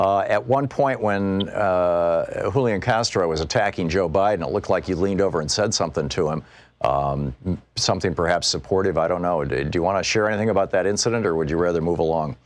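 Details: Adult male talk-show host; Normal speech.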